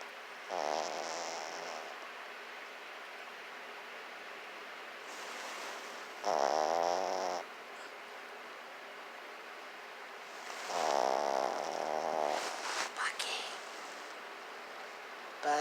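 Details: A sleeping Chihuahua snoring: three rattling, snorting snore breaths, each about a second long, separated by quiet breathing.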